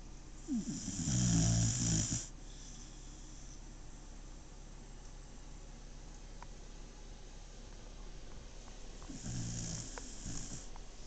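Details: Dog snoring warm under blankets on a couch, one leg in the air: two loud, rattling snores about eight seconds apart with quiet breathing between; snoring.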